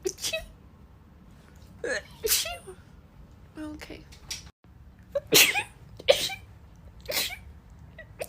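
A rapid series of about eight sharp, hissing sneezes, some with a short intake of breath before each; ordinary sneezing.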